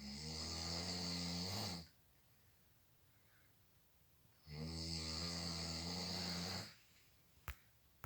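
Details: Snoring while drunk: two long, loud rattling snores of about two seconds each, separated by quiet pauses, with a sharp click near the end; heavy snoring.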